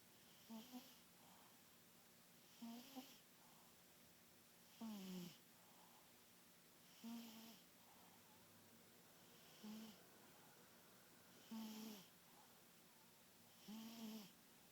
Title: Speedy Snoring